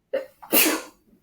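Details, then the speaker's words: A single adult sneeze during a recorded interview: a brief indrawn breath, then a loud explosive burst of air that fades quickly. ">> Six minutes and 22 seconds. Sneeze."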